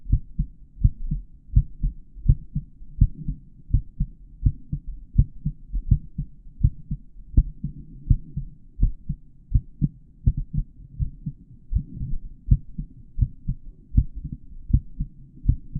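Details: Real-time recording of a male adult's normal heart sounds, taken with a microphone inside the stethoscope earpieces during a tutorial on heart auscultation areas over the heart valves.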